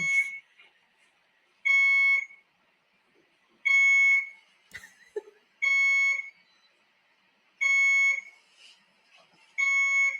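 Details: IV infusion pump alarm during a son's hospital stay: loud, shrill beeps repeating about every two seconds in a quiet room while waiting for a nurse.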